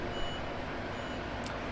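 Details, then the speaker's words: Areton CO2 fractional laser in fractional mode, mix split scanning pattern, pressed to ready: steady high electronic tones over machine hum, then a brief firing burst; laser device ready tone. "actually gonna do the mix split just to show you as an example I'm gonna press I'm ready"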